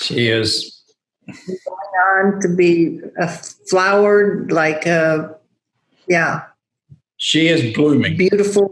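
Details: Adult woman with aphasia after a stroke, still losing words: knows the word but cannot make the linguistic connection; aphasia.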